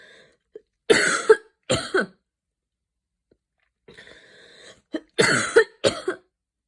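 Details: Coughing fit after an evening run in cold air during a mild asthma attack: two pairs of harsh coughs with a thin, whistling in-breath between them, following wheezing.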